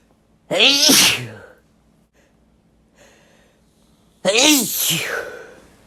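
Two loud, explosive sneezes, each with a brief voiced burst, separated by a quiet pause; ordinary sneezing.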